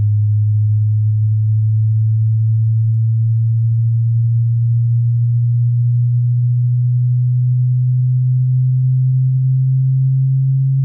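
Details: Hearing-test frequency sweep played through speakers at moderate volume, rising gradually from low to high frequency; here a steady low pure tone slowly rising in pitch, the opening bass part of the sweep.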